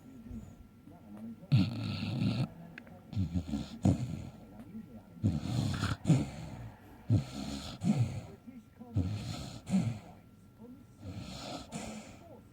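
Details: Snoring during sleep: low, rumbling snores with fluttering vibration on each breath, about eight breaths in twelve seconds, roughly 40 a minute.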